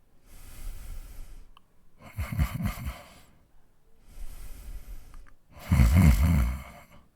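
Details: Real recording of a man snoring: two full breath cycles, a soft airy out-breath then a rough, rattling low-pitched in-breath, louder on the second cycle; regular snoring.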